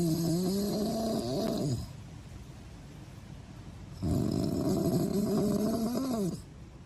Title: snores properly?🤪 #snoring